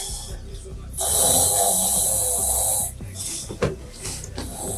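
A loud, harsh breathing sound lasting about two seconds, followed by shorter snorting noises, with background talk and noise.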